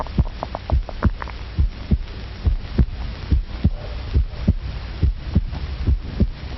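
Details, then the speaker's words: Human heartbeat picked up electrically and amplified a million times: deep, regular paired thumps at about 70 beats a minute over a low hum, likened to a jungle drum. "this sound like the rhythmical beat of a jungle drum actually it is the sound of a human heart which science can amplify a million times"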